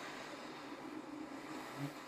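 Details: Home CPAP machine just switched on at night for an adult diagnosed with severe obstructive sleep apnea, flexible mask for side or back sleeping: quiet, steady airflow hum and hiss.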